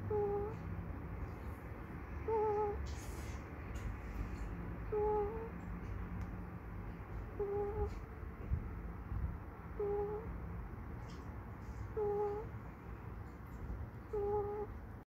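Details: A sleeping ferret snores with soft, high, squeaky whistles, one with each breath, about 26 a minute: snoring.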